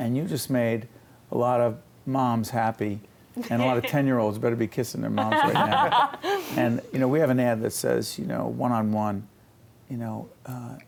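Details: Adult male speaker; ordinary speech.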